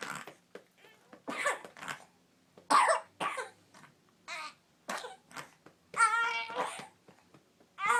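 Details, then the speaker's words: Child with snotty mucus being coughed up: a run of irregular, loose bursts with voiced, throaty sounds between them, in a quiet room; productive cough clearing mucus. "Just, that's all this snot crud. See? Come on, baby. Get it out."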